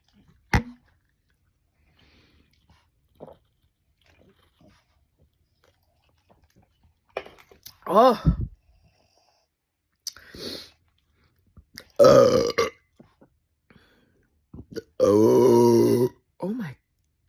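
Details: Burping with hiccups in a quiet room: a few short gulps and hiccup-like sounds, then several loud croaking belches.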